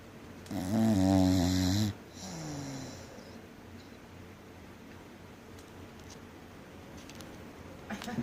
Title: 3 year old English Bulldog snoring hard...